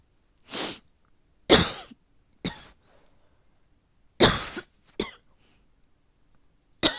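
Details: Cough from a woman with asthma, calm for a long time, who feels slightly asthmatic today at the change of seasons and suspects an asthma flare.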